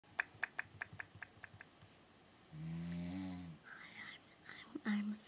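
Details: Adult aunt snoring during night sleep, recorded by her niece: a single loud, low, vibrating snore on an in-breath, preceded by faint tapping and followed by quiet whispering.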